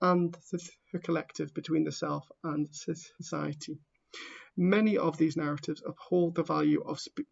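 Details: Stammering in a person who stammers, heard while reading a book introduction aloud.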